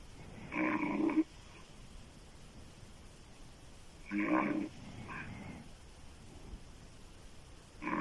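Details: Loud, harsh open-mouth snores from a woman, roughly every three to four seconds, rattling on each breath in, with quiet room noise between; loud snoring.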